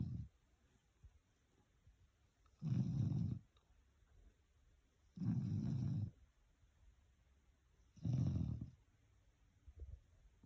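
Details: Boerboel puppy snoring: three low, rumbling snores on the in-breath, spaced about every 2.7 seconds, with quiet breathing between them.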